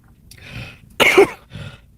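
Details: Adult woman who says she can hardly breathe and is trying not to cough: a single sharp, harsh cough burst between quieter breathy sounds, indoors.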